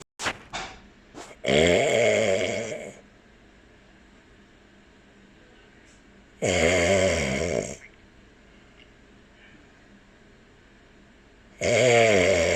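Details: Loud, rattling human snores of about one to one and a half seconds each, roughly every five seconds, with quiet between them; a cockatiel listens to the snoring.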